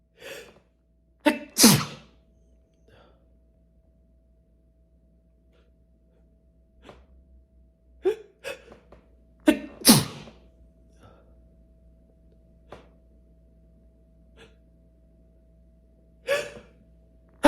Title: Sneezing fit